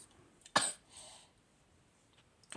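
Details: Person who says they are sick with pneumonia gives one sharp, abrupt cough followed by a softer breathy trailing sound, in a quiet small room; a single cough.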